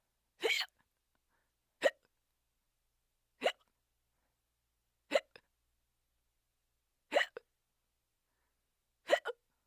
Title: Hiccup Sheep